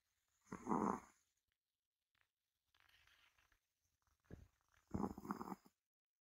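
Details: Healthy Ragdoll cat, fully asleep, snoring loudly: two loud, rough snores separated by quieter breathing; ordinary snoring.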